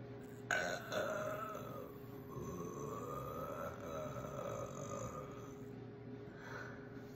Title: I had to warm up some how. This is how I decided to #burping #spritechallenge #belching #chugging